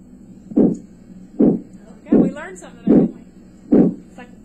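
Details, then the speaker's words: Rhythmic whooshing pulses about 72 a minute heard with a stethoscope over the aorta and renal arteries; an abdominal bruit. "in a patient with hypertension a brewery raises suspicion of renal artery stenosis but most breweries have other causes"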